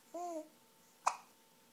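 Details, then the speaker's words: Young child babbling and talking, one brief voiced babble then a sharp, abrupt gulping sound in a quiet room; hiccups. "oh no not the hickups can you say m m oh not every time you try dog you hick up huh"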